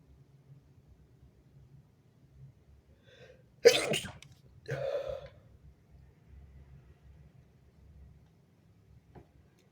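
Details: Stuffy-nosed person sneezing while pinching the nose: a sharp, forceful sneeze followed by a softer second burst in a quiet room; sneezing.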